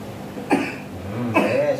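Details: Two short, harsh cough bursts in a quiet room from a patient with complications: weak body, difficulty walking, shortness of breath with cough, kidney involvement, lung fluid, and dialysis advised.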